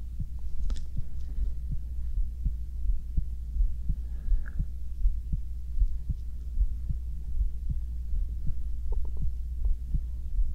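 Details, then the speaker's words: Steady soft heartbeat thumps at about 80 a minute over a low hum with faint rustling, recorded while lying down to sleep, possibly with stomach noises; a regular, normal heartbeat. "大家好我是今天呢是心跳聲的陪睡影片"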